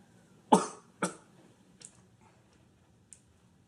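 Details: Man smoking a Dominican cigar gives two sharp, dry coughs close together, then a couple of fainter throat sounds in a quiet room.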